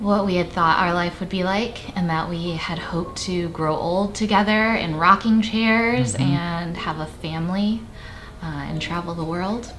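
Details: Adult woman; Typical speech.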